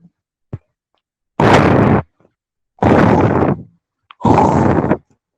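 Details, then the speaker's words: Teaching example on lung auscultation: three coarse, low-pitched rumbling breath sounds in a row, heard on inspiration or expiration, indicating secretions in bronchi and bronchioles; rhonchi. "Quando o paciente apresenta roncos, o nome próprio é esse mesmo. Quem dorme ao lado de alguém que ronca, o barulho é esse mesmo. Na hora de uma inspiração ou expiração, você vai ouvir esse barulho."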